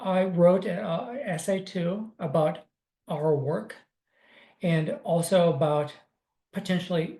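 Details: Retired, disabled adult man with aphasia after two mini strokes in 2016.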